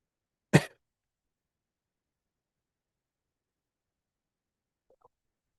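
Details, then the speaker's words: A single short, harsh cough from an adult man during a livestream, followed by near silence; he suspects talking aggravates the cough; an isolated cough. "And it seems like talking might aggravate my cough because I wasn't coughing this much before I started streaming. So maybe there's some kind of connection between talking and coughing."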